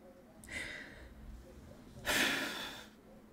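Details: While eating a burger, a person with Tourette syndrome gives a brief breathy sniff, then a sudden forceful snort-like burst of breath: vocal tic of Tourette syndrome.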